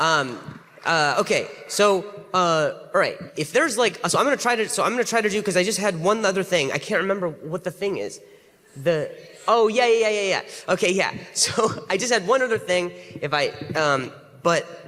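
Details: Adult male comedian stuttering on stage after a loud gunshot-like noise affected his hearing; repetitions and fillers while attempting a last joke; stuttering.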